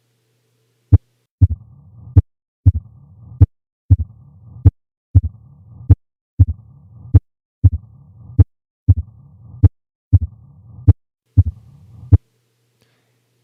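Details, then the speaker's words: Mitral stenosis murmur, low-pitched, heard at the apex. "the sounds that classically fall to that category are a mitro stenosis murmur an S3 and an S4"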